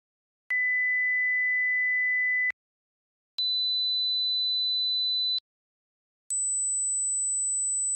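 Three steady pure tones of about two seconds each, separated by silence, each higher pitched than the last: a stepped hearing-age test sequence.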